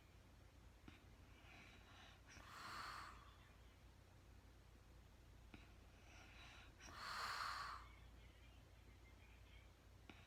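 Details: Real-time recording of a very tired woman asleep at night: soft, rasping snores with each breath, about 13 a minute, over a steady low hum; light snoring during sleep.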